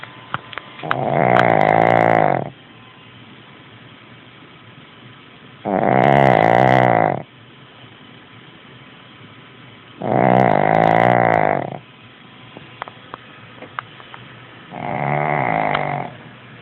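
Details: Sleeping 11-year-old Shih Tzu dog: four loud, rattling snores about four seconds apart, each lasting one to two seconds, with quiet pauses between; snoring.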